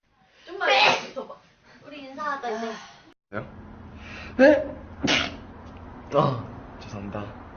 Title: 《 funny 》compilation k pop idols sneezing caught on camera | army | ayat jiwang